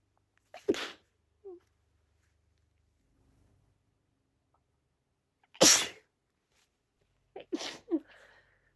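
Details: Woman's rapid repetitive sneezing fit, 17 sneezes in 45 seconds, as a pre-migraine symptom: sharp sneezes and half-sneezes with short breath intakes and little build-up, separated by quiet pauses.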